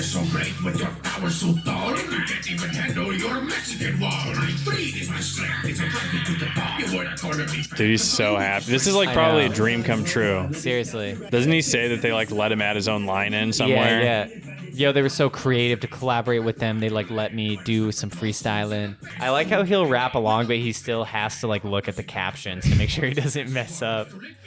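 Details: Adult male speakers in casual conversation; normal speech.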